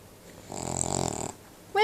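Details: Cavalier King Charles Spaniel fast asleep, snoring while someone tries to wake him: a single rough, fluttering snore on an in-breath, then quiet room sound.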